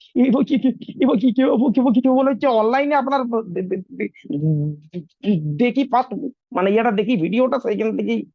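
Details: Stuttering in an adult man, recorded before online stammering training; frequent repetitions of the first letter of words.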